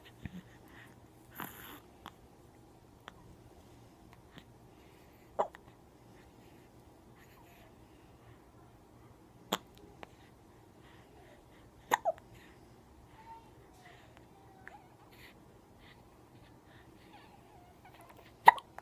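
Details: Faint, sharp hiccup clicks coming irregularly every few seconds in a quiet indoor room; hiccups.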